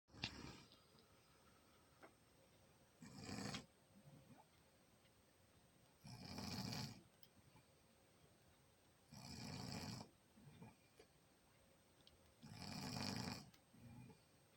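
Four rough, rattling snores about three seconds apart, roughly 19 a minute, with quiet breathing between them: ordinary snoring.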